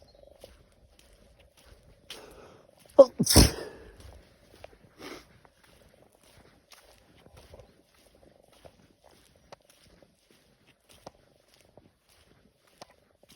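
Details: After a quiet intake, one loud sneeze with a trailing breath amid faint outdoor noise: part of a sneezing fit while walking home from a New Year party, as regularly happens after drinking.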